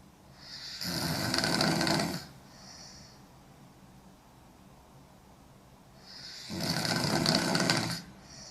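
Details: Young woman snoring hard: two loud, rough, rattling snores about six seconds apart with quiet breathing between; heavy snoring.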